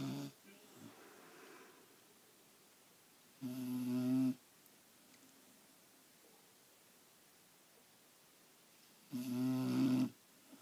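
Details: A sleeping black Labrador snoring loudly: buzzing, tonal snores on the in-breath about six seconds apart, with quiet between.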